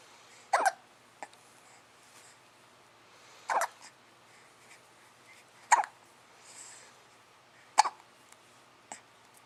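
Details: Hiccups: repeated abrupt, sharp hiccup sounds at irregular intervals, roughly 25–30 a minute, with quiet room noise between them.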